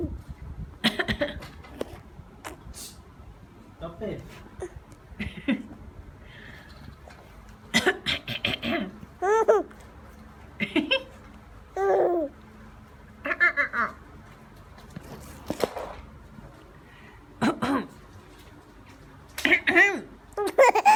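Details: Voluntary cough by a mother: short deliberate coughs while her baby babbles and laughs in between.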